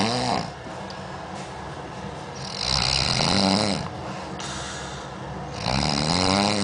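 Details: Sleeper said to sound like an old pig; loud, rough snores on each breath in, about three in six seconds, with quieter breathing between; snoring.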